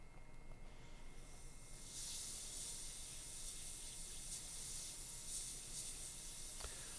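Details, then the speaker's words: Dental air syringe giving a very slight burst of air to remove excess bonding agent film from saturated dentin before curing: a brief steady hiss. "And we'll rub it into the dentin and make sure that we have completely saturated the structure, and then remove the excess film with a very slight burst of air."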